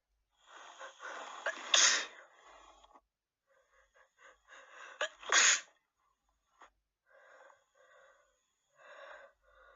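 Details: Female with a cold gives two forceful wet sneezes, each after a wheezy drawn-in breath, followed by sniffling.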